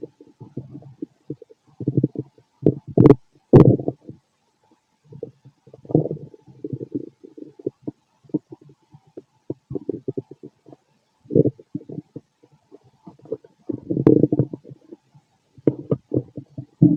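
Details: Stethoscope auscultation of a fit adult male's abdomen: frequent low gurgling and rumbling bursts with brief pauses; active bowel sounds, stomach growling.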